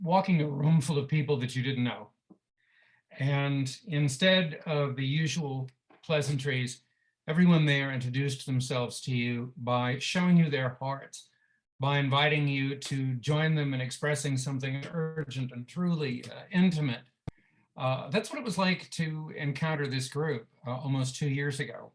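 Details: Adult male speaker; Normal speech.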